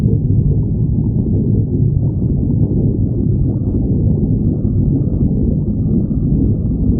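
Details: Stomach growling (borborygmi) recording, number 23.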